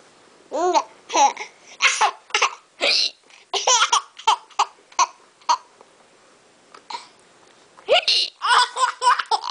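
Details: Mother's short, sharp, gulping hiccups while her young son laughs in bursts at them; hiccups.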